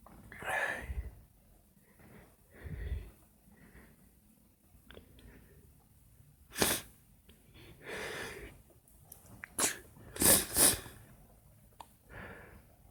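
Several sharp, explosive sneezes, some in quick succession, with softer breaths and sniffs between them in a quiet room.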